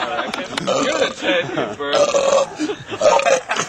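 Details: Best men at a wedding in Positano, 2000, during a toast: loud, drawn-out voiced belches mixed with a man's voice; burping.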